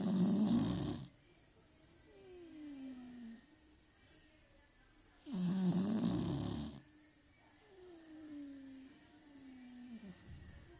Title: Beagle snoring